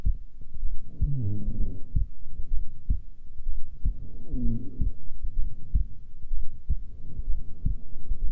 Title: Female heartbeat during resting